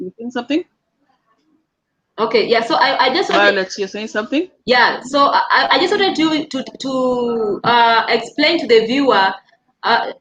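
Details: Dysarthria in an adult man living with cerebral palsy.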